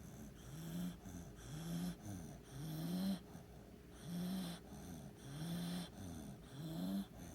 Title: doggie snores 🐕🐕🐕 #dogs #cute